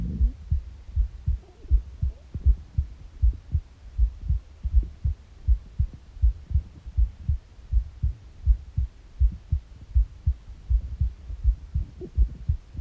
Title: Morning heartbeat with empty stomach noises